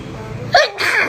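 A single short sneeze, a sharp burst followed by a brief hissy exhale, over low room hum.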